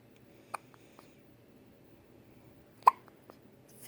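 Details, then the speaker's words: Hiccups in a patient in hospital: two brief, sharp hiccups about two seconds apart, each a short catch of breath, in a quiet room. "did you get the hiccups? Oh my. What happened? Huh? Did you get the hiccups?"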